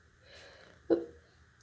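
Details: Pet ferret sneezing after its owner applied too much body spray or perfume: a faint breath in, then a single short, sharp, explosive small-animal sneeze.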